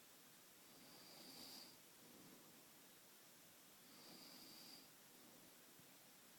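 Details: Covertly recorded quiet snoring: two soft, breathy snores about three seconds apart over a steady hiss, with a faint whistle on each breath.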